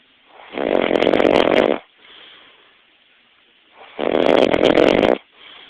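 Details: Adult man snoring heavily during a nap: loud, rough, rattling snores on each inhalation, two in about six seconds, quieter exhalations between.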